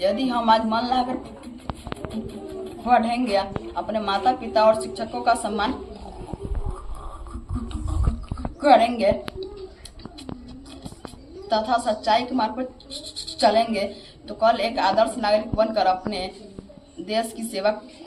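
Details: Mild stuttering, as described by his teacher, in a class 6 schoolboy reciting a memorised Hindi Independence Day speech.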